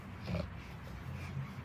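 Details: Pregnant female Alabai dog resting and tired, snoring: a low, rattling, snort-like breath.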